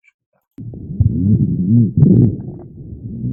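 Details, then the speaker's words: Stethoscope lung auscultation teaching example: low-pitched rumbling snoring-like continuous sounds in inspiration and expiration from airway secretions, which may change with coughing; rhonchi. "tem característica de um som grave, agudo, tá? Tanto na inspiração quanto na expiração, tá? E ele também pode ser alterado quando um paciente ele tce, tá?"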